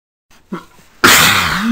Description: Whoo! These are some pretty intense sneezes! I DID NOT force any of these.